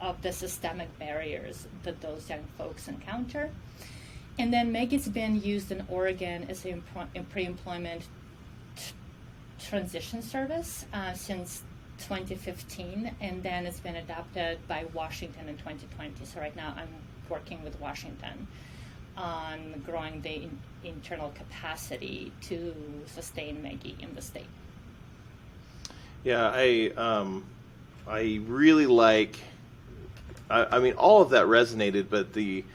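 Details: Adult woman who says she stutters and considers stuttering her disability; stuttering.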